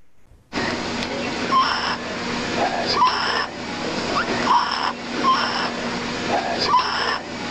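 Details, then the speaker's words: A child with visible neck retractions makes a noisy, high-pitched crowing sound on each breath in: inspiratory stridor, a dangerous upper airway warning sign. "Ada tarikan pada saat dia bernafas kemudian ada suara suaranya seperti suara seperti ini suara yang berbahaya kayak kalau dengar karena kita ada suara seperti ini waktu menarik nafas itu ya Jadi ada stridor itu hati-hati"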